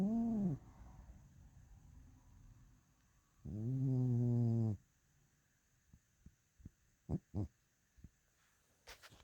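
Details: Chubby sleeping pet snoring: two low, buzzing snores about a second long each, separated by quiet breathing.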